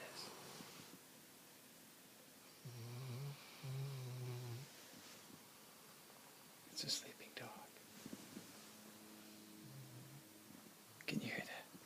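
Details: Sleeping dog lying on a pillow, snoring: soft, low snoring breaths in a quiet room with faint movement sounds.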